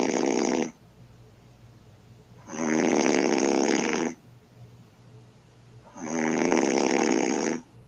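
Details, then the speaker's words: Adult woman snoring in her sleep, recorded by her boyfriend: loud, harsh, rattling snores recurring with each breath, about 17 a minute, with quiet pauses between. "he says my girlfriend's snoring like a beast let's see"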